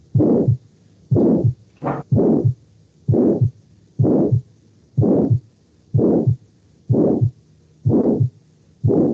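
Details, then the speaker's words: Regular heartbeat near 62 a minute with a harsh diamond-shaped murmur swelling and fading between the heart sounds: crescendo-decrescendo systolic ejection murmur of aortic stenosis. "este soplo de la estenosis aórtica es rombo y dando no voy a"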